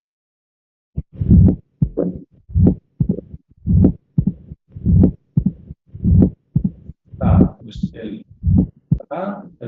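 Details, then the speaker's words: Pediatric auscultation: mitral opening snap after the second heart sound, typical of mitral stenosis. "el de apertura ya lo hemos visto, lo hemos visto en el eh que es típico de la escenosis vitral. Lo pongo por si antes no lo hemos oído bien."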